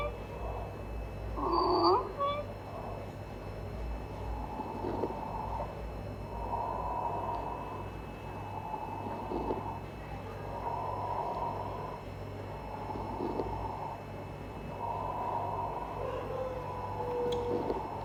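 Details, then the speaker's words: Abnormal lung sounds heard on stethoscope auscultation in a thorax and lung examination teaching demonstration. "Let us listen for some of the abnormal lung sounds."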